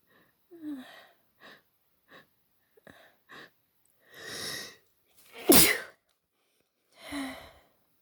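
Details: Person sneezing: several short breathy catches, then three sneezes, one loud and forceful with a wet spray.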